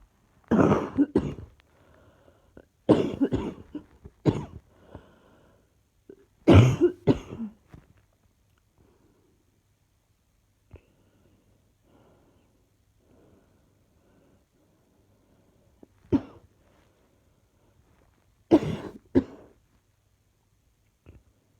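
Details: Adult with persistent cough: repeated bouts of harsh coughing, about a dozen coughs over twenty seconds in a quiet room.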